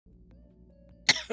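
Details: Girl who says she is sick with a bad voice coughing; soft background music, then a single sharp, harsh dry cough burst at the end.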